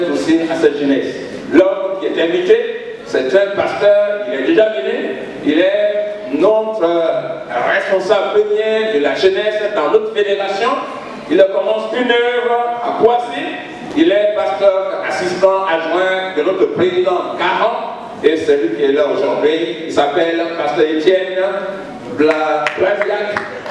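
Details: Adult man speaking French; Normal voice.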